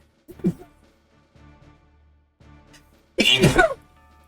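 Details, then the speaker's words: Streamer sneezes while partly trying to hold it in, so the sneeze sounds odd. "Oh, that sounded so weird at first because I was like trying to hold it in so I could maybe hit the mute button, but I did not get to it in time."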